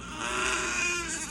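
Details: Brief, thin, high-pitched wail from CJ, a newborn boy born at 8 lb 6 oz with birth complications, held by his mother in the NICU, with faint room noise: an ordinary newborn cry.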